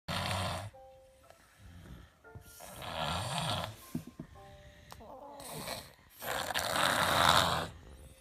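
Coarse, noisy snoring bursts with a congested quality during a cold, with music playing in the background.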